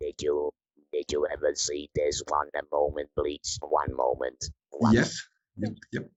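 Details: Electrolarynx speech in a woman after laryngectomy surgery, using the Inspiration electrolarynx device.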